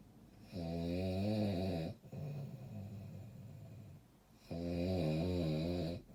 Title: 😴 Snoring!!!!!